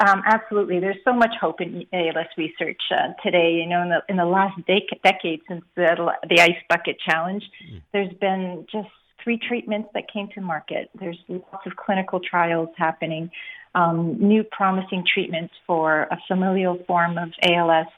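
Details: Adult speaker; typical speech.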